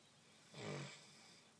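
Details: Female dog asleep in the sunshine snoring loudly: a single low, rumbling snore with a soft room hiss behind it.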